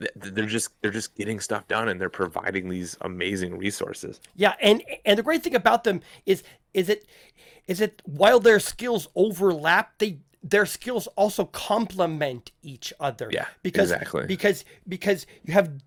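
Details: Stuttering (self-reported) in an adult male podcast host who says people in voice chat often ask him to repeat himself.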